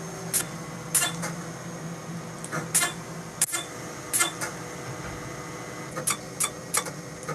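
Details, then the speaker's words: B-Beam Perfecta broadband light treating broken capillaries of the nose, cheeks and chin in a facial rejuvenation (Take10) procedure: brief sharp clicks and snaps every half second to second over a low machine hum, device pulsing. "We're going to use the B-Beam Perfecta to address broken capillaries in the nose, cheek, chin area."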